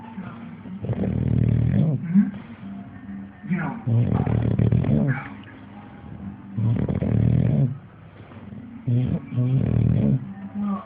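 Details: English Bulldog with loud, rumbling snorts and snores on each breath, about 14 breaths a minute, non-stop every day, music in background; heavy snoring.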